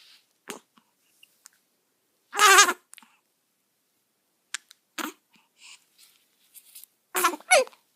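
Brief, sharp, spaced catches of breath with small squeaky voiced bursts from a newborn, fitting infant hiccups.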